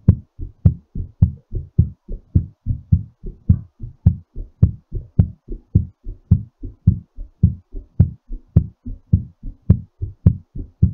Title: exercise recovery heartbeat